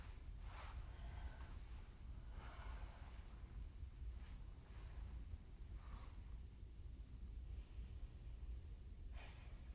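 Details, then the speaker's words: Soft, even breaths heard over the anterior chest during a head-to-toe nursing assessment of a female patient; clear lung sounds, no wheeze or crackles, no forced inspiration or expiration. Normal breath sounds. "So clear lung sounds in the um anterior side. Um so she's not struggling to breathe again. No um force inspiration or expiration there."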